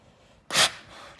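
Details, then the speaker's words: A female dolphin in a care session gives a single sharp, loud burst of air from her blowhole on cue, a sneeze. Such sneezes let a cup over the blowhole collect a sample to check lung health. "thank you is a dolphin sneeze now how I look inside is I can actually put a cup over that blowhole take ask you to sneeze like this"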